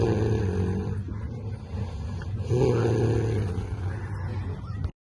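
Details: Loud, steady, low rumbling snore with a second louder stretch over a droning background: heavy snoring from the speaker's sleeping brother in a dugout, 2024.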